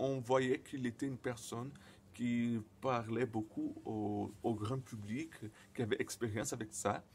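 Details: Man who stutters, speaking non-native French, who says his stuttering often involves silent blocks; stuttering.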